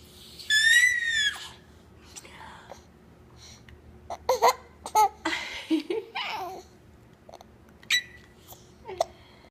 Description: Cute baby girl giggling with hiccups